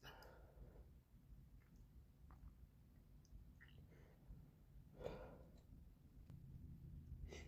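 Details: Morning sneezes in a quiet room, a few short, soft nasal bursts with wet sniffs from a runny, congested nose: sneezing.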